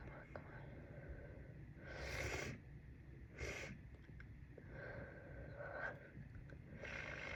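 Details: Adult with a cold, very congested, trying unsuccessfully to induce a sneeze: two forceful hissing nasal blasts with softer snuffling and sniffles between them, nose blowing in a quiet room.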